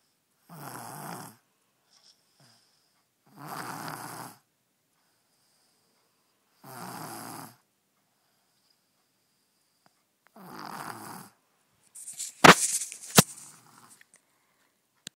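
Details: A sleeping baby girl snoring, said to be louder than her father: four slow, rasping breaths spaced a few seconds apart, then a brief rustle; snoring.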